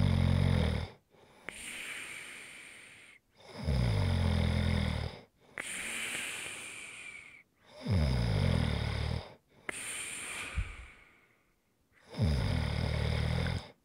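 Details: Snoring recorded as ASMR relaxation audio: loud rattling inhaled snores alternating with softer breathy exhalations, about six breaths in fourteen seconds; snoring.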